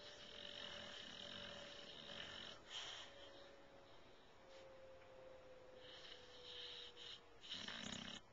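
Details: A sleeping white bulldog snoring: soft, hissy, snorting breaths over a steady background hum.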